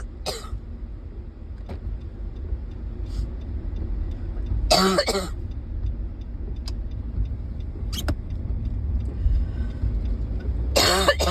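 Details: Ongoing bad cough recorded in a car: three harsh coughs and throat clearing over steady engine noise; persistent cough.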